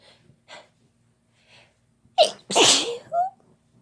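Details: Sneezing using chhinkni: faint sniffs and breaths, then a sharp, forceful sneeze burst followed by a short voiced trailing sound.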